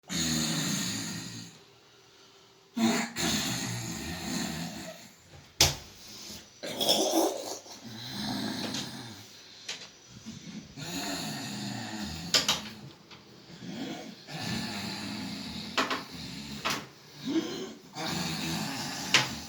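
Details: An uncle who often disturbs his niece with snoring: loud, irregular, rattling snores with harsh snorts and breathy pauses in a small room.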